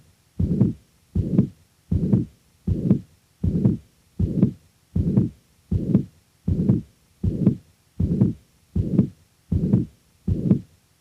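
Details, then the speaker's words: Patient with mitral regurgitation: regular heartbeat near 80 a minute with a rather high-frequency blowing murmur filling all of systole from first to second heart sound, a pansystolic (holosystolic) murmur. "the next example will demonstrate the actual sounds from a patient with mitral regurgitation in this example note the rather high frequency of the murmur"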